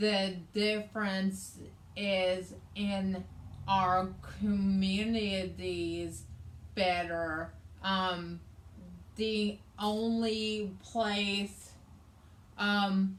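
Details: Adult woman with aphasia, also affecting reading and writing, after a hemorrhagic stroke on May 19th 2020 that needed brain surgery and ICU care and left right-sided hemiparesis; aphasia.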